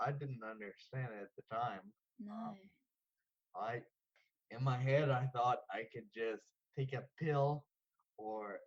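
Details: 34-year-old man diagnosed with Friedreich's ataxia at age 11; ataxic dysarthria.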